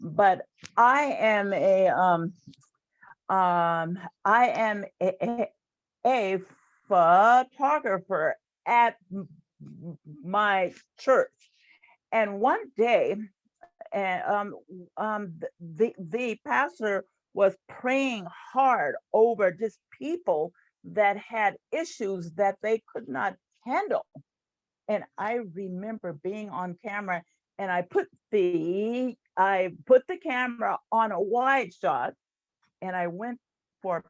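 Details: Adult woman, a retired employee and stuttering support group leader, who has stuttered since about age seven; stuttering.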